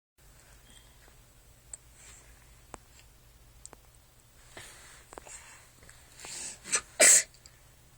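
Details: Girl in a closet: quiet sniffing breaths build to one sharp, wet sneeze near the end, with mucus coming out.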